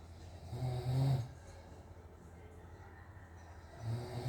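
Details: Father snoring in his sleep, filmed by the mother or daughter because he doesn't believe he snores: deep, low rumbling snores on each indrawn breath with quiet gaps between.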